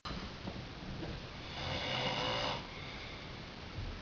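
A continuous rough, rattling breath noise that swells and fades over a few seconds, typical of snoring. Some room noise underneath.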